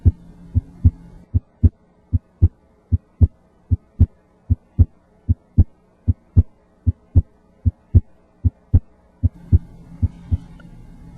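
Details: Patient with increased chest AP diameter, as in emphysema, auscultated with the stethoscope diaphragm at the right second intercostal space (aortic area). Regular paired S1 and S2 at about 76 a minute, no added sounds: normal heart sounds.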